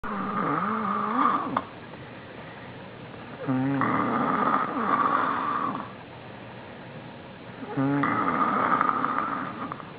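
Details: A male passed out asleep on the floor: loud, rattling snores on each breath in, about three in ten seconds, with quiet breaths out between; snoring.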